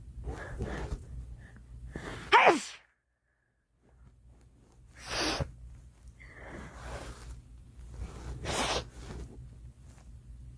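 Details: Several sharp, explosive bursts of air, each preceded by a short catch of breath; a girl sneezing.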